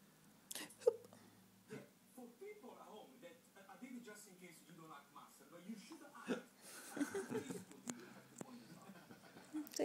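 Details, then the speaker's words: Young boy with hiccups, belly exposed: several brief, sharp hiccup sounds among voices and small-room noise. "this is the boy and he's got hiccups oh oh dear put your top down exposing your belly oh"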